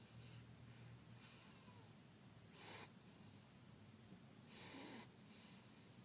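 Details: Sleeping baby: soft breathy noises recurring, with a few louder snorting breaths among them: light infant snoring.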